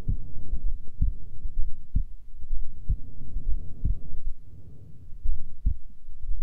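Steady, regular low thumps about once a second, roughly 60 beats a minute, over a soft hum: a normal resting heartbeat.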